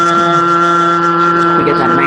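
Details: Speaker with normal vocal folds sustaining a voice during stroboscopy, giving a smooth, steady voice; normal phonation.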